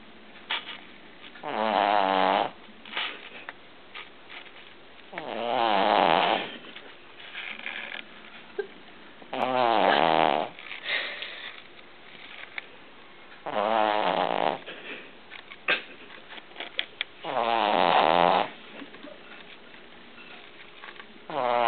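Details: A sleeping Cavalier puppy snores in regular rattling bursts, about 15 per minute, with quiet breaths between.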